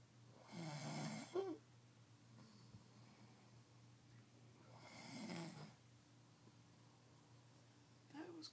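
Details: Two soft, rasping snores about four seconds apart from a sleeping man, with a low room hum.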